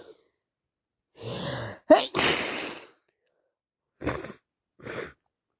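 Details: Person with a head cold and sinusitis: gasping breaths build into a loud explosive sneeze, followed by further short sneezy bursts; repeated sneezing.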